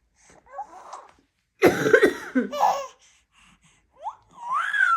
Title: Baby reacts to mum genuinely coughing #baby #babyshorts